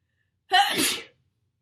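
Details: Celebrity sneeze compilation: a single abrupt, explosive sneeze, loud and hissy, with silence before and after.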